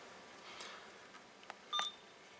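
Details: Hospira Alaris infusion pump in maintenance mode during visual inspection and module/display test: short electronic beeps; normal device check.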